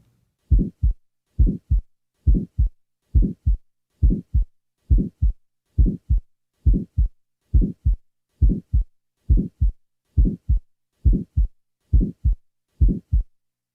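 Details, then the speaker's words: Early systolic murmur of a small muscular VSD: regular heart sounds about 68 beats a minute with a brief early systolic murmur. "listen next to the sounds taken from a 20 year old female with a small muscular vsd the recording was taken at the left lateral sternal border"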